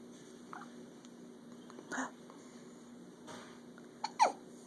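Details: Hiccups: a few abrupt, brief gulping sounds and a sharp vocal catch near the end in a quiet room.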